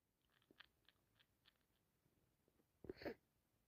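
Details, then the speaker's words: A congested person with a cold who can't stop sneezing: faint clicks and small breaths, then one sudden loud, wet sneeze. "Just can't stop. That's me. I'm congested. I need to sneeze."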